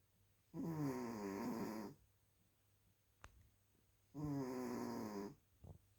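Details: Snoring during sleep: two long, buzzing, vibrating snores on inward breaths, separated by a quiet pause.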